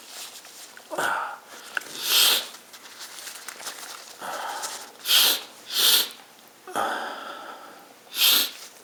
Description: Request. I induce sneeze and blow my nose not honking. Richiesta: Mi provoco gli starnuti e dopo mi soffio il naso non rumorosamente.